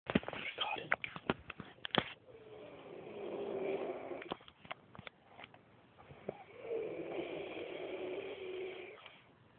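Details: Very loud snoring from a sleeping male: two long, rough, low snoring breaths after some clicks and handling noise.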